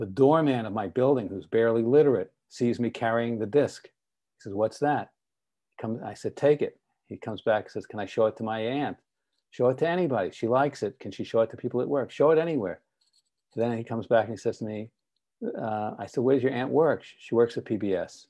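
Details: Adult man; typical speech.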